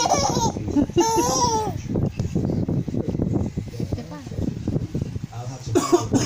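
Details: Several short, harsh coughs from a father in a small room, with a baby's high squealing laughter before and after: ordinary coughing.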